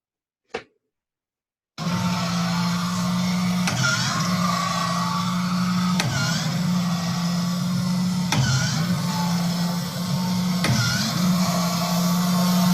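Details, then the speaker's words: First homemade emergency ventilator tested on a lab spirometer: steady motor hum with regular mechanical clicks about every two and a half seconds as it runs breath cycles; mechanical ventilator operation. "The following video shows me testing it on our lab spirometer, which is a device for analyzing respiratory airflow."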